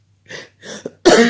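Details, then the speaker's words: Person diagnosed by a doctor with "wet lungs": two soft throaty coughs, then a louder harsh, rattling, phlegmy cough; a wet, productive-sounding cough likened to a frog. "went to the doctor yesterday and being prescribed with lung it's disgusting but it does make me sound like a frog"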